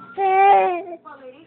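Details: Baby girl scared by her napping father's snoring: a short, loud, tonal wail followed by a softer whimper; infant crying.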